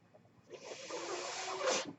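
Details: Breathing sound of the speaker's own mechanical ventilator during speech: a soft hissing rush of air rises, holds about one and a half seconds, then cuts off, one delivered breath.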